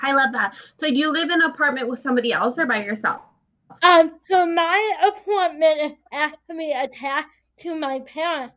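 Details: Two adult speakers in conversation; conversational speech.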